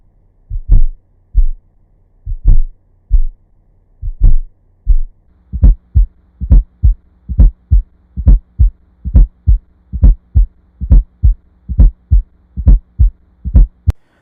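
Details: Low, dull heartbeats with a soft extra thud just before the first sound, played as an audio reference for heart sounds: fourth heart sound (S4) gallop.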